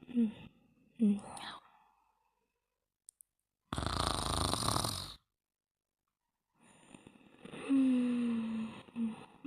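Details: Yawning and snoring during sleep: a yawn-like breathy rush, then a few low snoring breaths with a squeaky whine, in a quiet room; ordinary sleep snoring.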